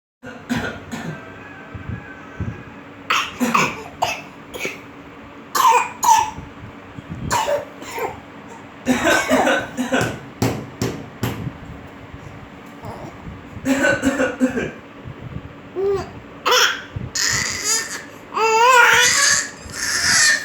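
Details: 8-month-old baby boy imitating his father's cough: short adult cough-like bursts echoed by the baby's playful imitation coughs and vocal squeals.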